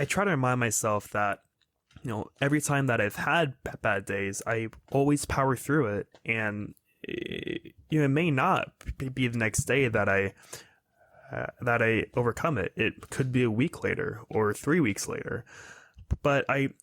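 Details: Stuttering since childhood (lifelong) in a 22-year-old man, a speech-language pathology student; fluency varies over weeks and months; uses soft articulatory contacts, prolongation and easy onset; stutters less when tired or stressed.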